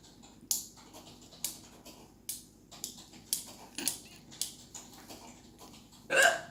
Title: My sister has the weirdest hiccups ever